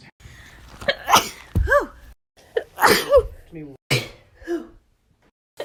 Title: 100 Miles per Hour (a sneeze compilation)